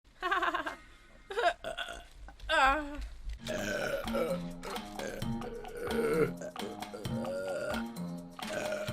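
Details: Burp compilation: a string of burps, some short and some drawn out, with music playing throughout.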